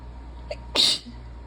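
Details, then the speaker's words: Real sneeze from a congested, run-down person, possibly ill on top of allergies during rising pollen: a quick breath catch, then one sharp, explosive, fast-fading sneeze in a quiet room with a faint hum. "and you know sneezing a ton oh God that went everywhere nothing too bad just I don't know I don't know myself"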